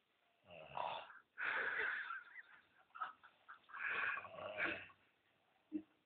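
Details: Pet named Pewi snoring while asleep: irregular, rasping, noisy breaths with a slight whistling edge.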